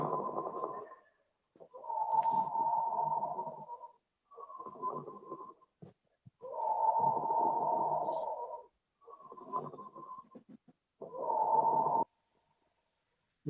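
Harsh, hollow, high-pitched breath sounds with loud, long expiration: tubular breathing over consolidated lung, as in pneumonia.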